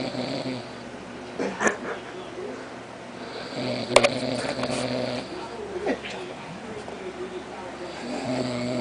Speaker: You're snoring so loud.